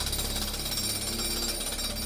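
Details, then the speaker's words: Simulated tinnitus: steady, harsh jackhammer-like pounding heard as a constant intrusive phantom sound not present in the environment. "Ce fantôme porte un nom, c'est l'acouphène. L'acouphène, c'est la perception d'un son qui n'est pas présent dans l'environnement."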